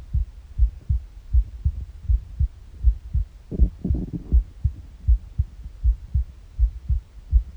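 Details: Normal heart sounds recorded in the morning on an empty stomach: steady, regular heartbeat at about 80 beats a minute with soft low thumps, briefly joined by gurgling stomach noises midway.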